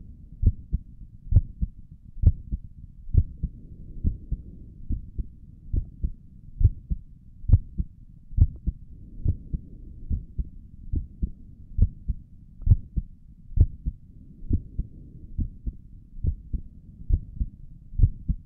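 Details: Self-recorded resting heartbeat, apparently through a stethoscope on the chest: steady, soft low thumps at about 67 beats a minute, with stomach gurgles noted during the recording; a normal, regular heartbeat.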